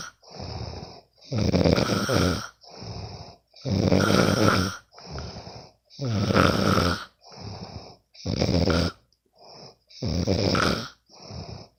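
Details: Loud, rattling snores on each in-breath alternating with softer out-breaths, about 14 breaths a minute, recorded from a sleeping friend; ordinary snoring during sleep.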